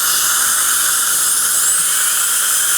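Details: Steady high-pitched whine and hiss of a high-speed dental handpiece running continuously, with a faint pitch sweep partway through, while adjusting the bite on a glazed porcelain restoration (inlay, onlay or crown) during a dental demonstration.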